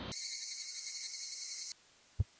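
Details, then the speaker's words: Simulated cricket/cicada-type tinnitus, a type typically related to damage to the cochlea: a steady high-pitched shrill chirring, ending abruptly, then a soft thump. "typically ringing buzzing hissing electrical noise or crickets are related to damage to the hearing organ the cochlea"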